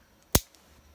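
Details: One sharp snap in a quiet room as a Dexcom G5 continuous glucose monitor transmitter is pushed into its sensor mount by a person with type 1 diabetes.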